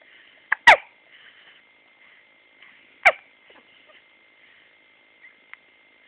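Two sharp, brief gulping bursts about 2.4 seconds apart over a steady high hum, fitting hiccups.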